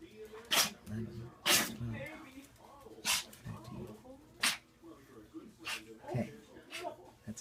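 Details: Maltese/terrier mix dog with recent coughing (wheezing) and sneezing, recorded to show the vet; sneezing.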